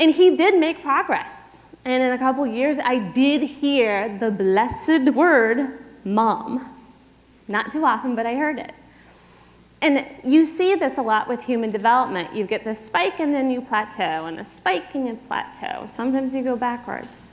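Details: Adult woman speaking; typical speech.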